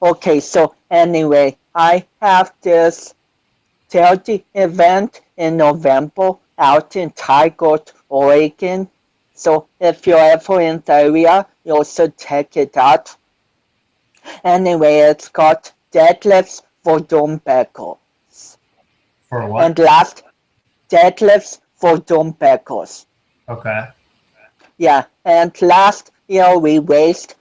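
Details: 25-year-old man with cerebral palsy since birth, which he says affects his balance, coordination and speech; doctors had told him he would never walk; real speech; dysarthria (cerebral palsy).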